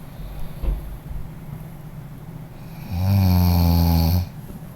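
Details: Person snoring during sleep: quiet noisy breathing, then one loud, low, rattling snore lasting over a second.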